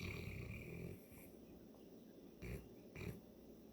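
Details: St. Bernard dog with allergies hitting her hard, snoring like an old man: low rumbling breaths with short snorting bursts.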